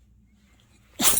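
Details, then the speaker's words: Sleepy female puppy sneezing herself awake: after a second of quiet room hum, a single sharp, hissy burst of air, one sneeze. "oh ew ew ew what snotty boogers what"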